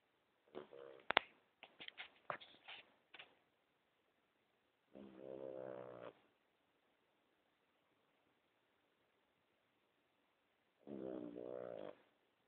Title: snoring ii.3GP